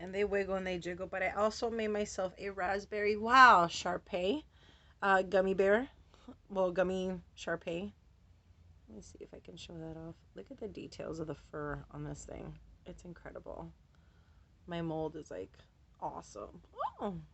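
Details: Adult woman with Tourette syndrome whose vocal tics, interjections ("wow", "whoa") and repeated words, interrupt her speech; she says her tics have been very active since a change of medication; Tourette syndrome with vocal tics.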